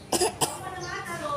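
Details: Two short, deliberate coughs from a young child who is not sick and fakes coughing to get medicine bought; a pretend voluntary cough.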